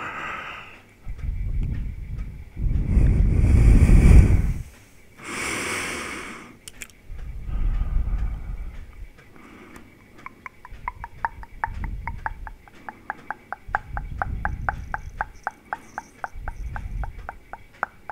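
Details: Heavy breathing in a 50-year-old man with a pacemaker, diabetes and obesity (150 kg, 186 cm): loud, deep, noisy, effortful breaths in steady rhythm, about 20–25 a minute.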